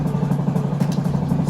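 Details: Loud, steady low rumbling drone with a fast pulsing flutter from an air-driven dental motor with irrigation, used in place of a micromotor and compatible with straight and contra-angle handpieces, running.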